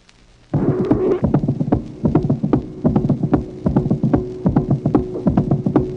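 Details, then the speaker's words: Artificial mitral valve (Starr ball-in-cage valve): in diastole, after the second heart sound, several clicks are heard as the ball strikes the walls of the cage. "Autre exemple de valve mitrale artificielle. Ici, toutefois, en diastole, après le deuxième bruit, on entend plusieurs claquements correspondant au heurt de la balle sur les parois de la cage."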